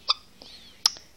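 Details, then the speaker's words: Two sharp, high-pitched hiccups from a newborn baby girl, about three-quarters of a second apart, each a brief squeaky catch with a faint breathy tail; infant hiccups. "baby girl you got the hiccups hmm yeah I know those dreadful hiccups just dreadful dreadful hiccups"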